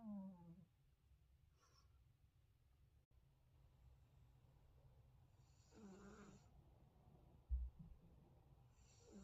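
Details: Sleeping cat drifting deeper into sleep: soft, low snoring breaths spaced several seconds apart; light snoring.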